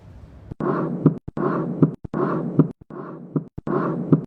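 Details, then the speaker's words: Regular heart sounds at about 78 a minute with a soft blowing early diastolic decrescendo murmur fading after the second sound, best heard in the aortic area; aortic regurgitation. "it is early diastolic decreas Ando mmur it is based heard in atic area correct"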